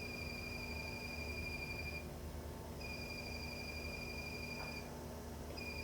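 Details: Sustained two-pitch electronic tones with short gaps over low hum: Quanta Pronto high-speed diode laser hair removal on a man's lower back, third pass, clinical settings, timed over gel.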